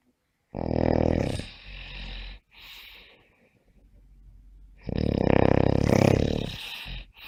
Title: The sound of snoring during sleep